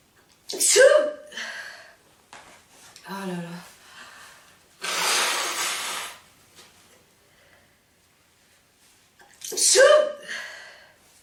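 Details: A woman, during a sneezing fit of about 46 sneezes, gives two loud sneezes with a gasp between them, then a long nose-blowing sound. Finding: repeated sneezing (sneezing fit).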